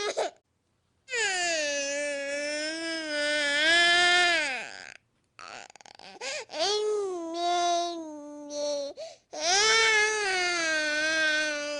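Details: Infant crying.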